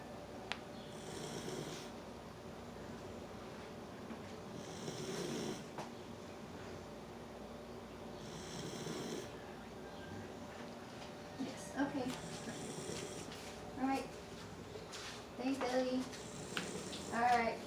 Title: 10 weeks old doberman snoring like a giant.